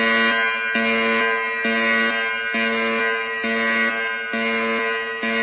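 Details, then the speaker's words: Fully automatic AED (Defi5s) warning before a shock: loud pulsing electronic tone, about one beep per second, with the voice prompt "Everyone clear, do not touch patient, shock will be delivered," followed by "Shock delivered." "Everyone clear, do not touch patient, shock will be delivered."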